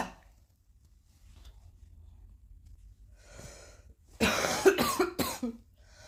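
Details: Three quick harsh coughs in a short burst after a quiet breath, coughing again.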